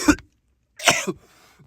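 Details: Two short, harsh coughs from an adult while smoking a cigarette, the second trailing into a brief voiced grunt.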